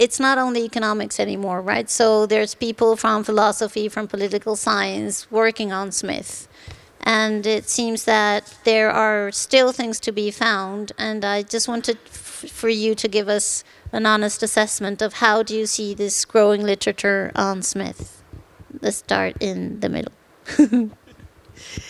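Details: Adult woman speaking; typical speech.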